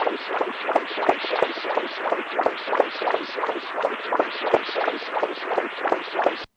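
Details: Cat on echocardiographic ultrasound, rapid pulsing whooshing Doppler flow signal, about 176 pulses a minute, over an atrial septal defect; Doppler flow sound, atrial septal defect.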